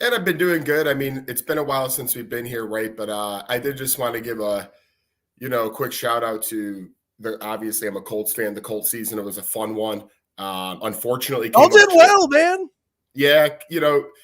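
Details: Adult man; normal voice.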